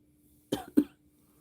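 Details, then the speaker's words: A big coughing fit from a person with bronchitis during a live stream; cough in bronchitis. "I get a big coughing fit."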